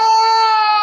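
A single brief, high-pitched, steady wail from a young child, held for under a second before the pitch drops and breaks off. It is the fretful cry of an irritable, unsettled infant who is unwell.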